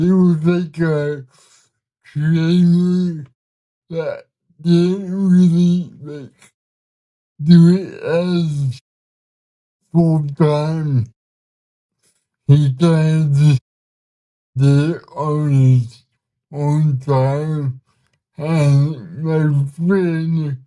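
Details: 32-year-old man with cerebral palsy, speaking in a real conversation; dysarthria (cerebral palsy).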